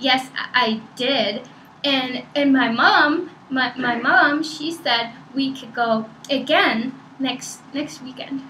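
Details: Child girl in a role-played (acted) stuttering assessment, conversational speech; mother and teacher report part- and whole-word repetitions and prolongations, worse with unexpected questions, nervousness or excitement; mother concerned it could be permanent; stuttering.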